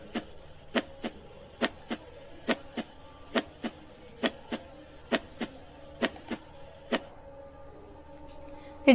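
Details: Normal first and second heart sounds played in a grade 10 zoology class: paired sharp lub-dub at about 70 per minute over faint room noise, lub from tricuspid and bicuspid closure, dub from semilunar valve closure.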